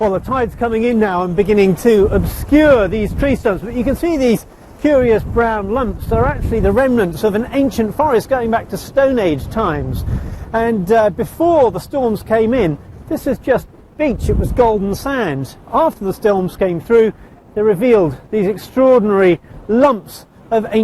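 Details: Adult male speaker outdoors; Normal speech.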